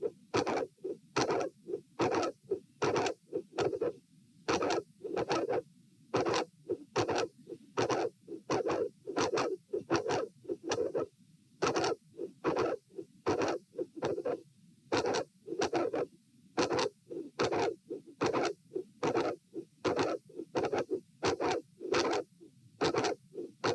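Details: Loud, scratchy heart sounds at about 73 a minute, recorded at position A during a lying, sitting and standing auscultation stress test in dilated aortic root: a very loud mid/late systolic click with a murmur at S2, an aortic vascular click.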